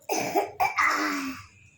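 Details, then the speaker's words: A child gives three quick, voiced coughs on request to show that the cough has gone after taking medicine: a deliberate cough rather than an illness cough. "अब खांसी आ रही है करो ऐसे आ रही है। आ रही है। नहीं सही हो गया। करके दिखाओ। करो।"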